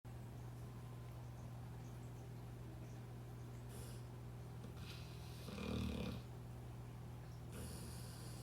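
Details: American bulldog asleep gives a loud, rough snort-like snore with softer breaths around it over a steady low background hum; deep snoring sleep.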